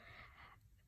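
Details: Sleeping Shih Tzu/Maltese dog lying in a pile of dirty clothes: a single raspy, slightly whistling breath of about half a second, then quiet, snoring.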